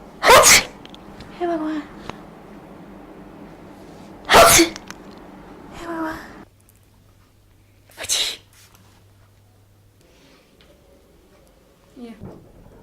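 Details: A demonstration of different types of sneezes: three loud, sharp sneezes with breathy lead-ins and pauses between them.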